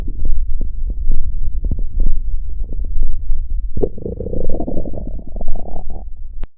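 Deep irregular gurgles and pops, then a longer rumbling growl, ordinary stomach growling.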